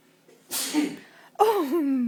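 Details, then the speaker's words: A father's single loud, explosive sneeze with a sharp noisy burst at bedtime, startling his weeks-old baby daughter, followed by an adult voice speaking; sneeze. "that was loud wasn't it oh my goodness they scared me"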